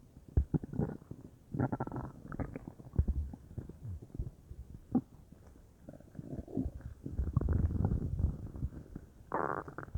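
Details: Belly felt bubbly all over (unsure if stomach or intestines); low gurgling, bubbling and rumbling belly noises coming and going, ordinary bowel sounds (borborygmi).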